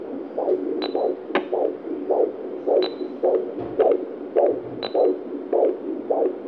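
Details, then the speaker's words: Regular whooshing pulses, about 105 per minute, with static crackle, from a home fetal Doppler at 36 weeks of pregnancy, recorded by phone; a normal fetal heartbeat. "eu vou tentar mostrar para vocês como eu ouço pelo duper o coração do bebê vamos lá"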